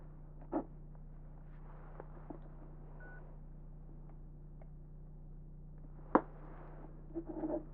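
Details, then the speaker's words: Pure-tone audiometry beeps heard through noise-isolating headphones during a hearing test for decreased hearing; listener raises the hand on the side of the tone; simulated ASMR audiology exam. "Selama beberapa menit berikutnya , Anda akan mendengar serangkaian nada. Silakan angkat tangan yang bertepatan dengan telinga tempat Anda mendengar nada tersebut."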